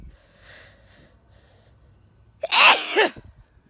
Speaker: it's quite early tonight it's only uh 10 pm i'm sneezing early